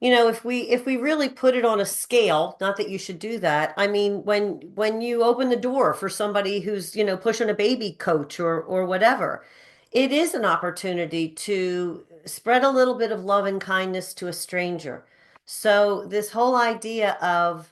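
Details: Adult woman speaking; typical speech.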